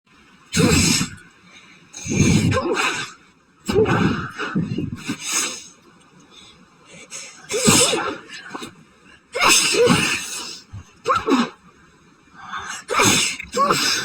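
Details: Sneezing fit after going outside during high pollen count, suspected new grass allergy: about nine explosive, noisy sneezes in rapid series with sharp intakes between them.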